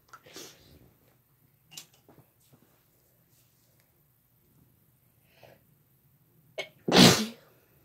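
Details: Several quiet breathy sounds, then one loud, sharp sneeze burst in a quiet room, amid lots of sneezing by a female and a male.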